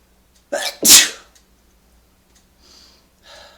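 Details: A single sneeze: a quick indrawn breath, then one loud explosive sneeze, then soft breathing.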